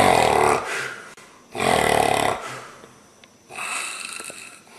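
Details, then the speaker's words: Snoring: loud, rough snores on in-breaths, about two in five seconds, with quieter breathing between them; heavy snoring. "What are you doing? You're snoring like a banshee."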